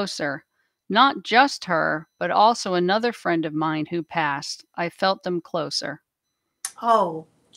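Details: Adult woman speaking; Normal speech.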